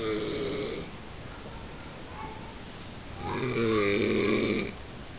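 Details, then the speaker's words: Husband, who denies snoring, filmed asleep: two rumbling, vibrating snoring breaths about three seconds apart with quieter breathing between; snoring during sleep. "Vejam Só eu vou filmar o roncando depois ele diz que não ronca"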